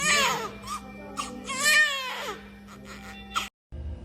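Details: Shrill, wavering newborn cries in short bursts right after a successful normal spontaneous vaginal delivery following intense labor; normal first cry after birth.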